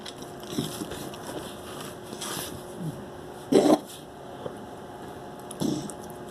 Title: Dog cough 2